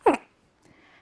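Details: Female with Tourette syndrome, diagnosed around age six: a single abrupt, loud involuntary vocal tic, then quiet room noise.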